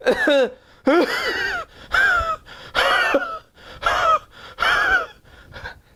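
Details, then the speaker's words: Adult homeopath imitates a very dry cough like a saw driven through a pine board: six harsh, rasping voiced bursts with no moisture; dry sawing cough. "hush hush hush that sound is typical of your spongy and remember fat spongy the cuff is always better by warm drinks"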